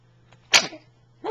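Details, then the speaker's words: Sneezing, likely a young child: one sudden, sharp, hissing burst that fades quickly, with a voice starting just after. "I got a video of you sneezing."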